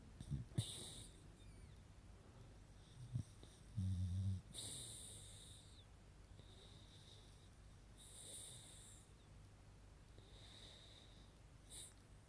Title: Beagle puppy Yfke 🐶 Snoring her nose off ... This is just tooooo funny 🤣